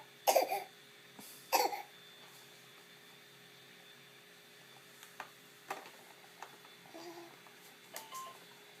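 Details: Korean baby (infant) gives two short, sharp coughs, then quiet fussing sounds in a small room.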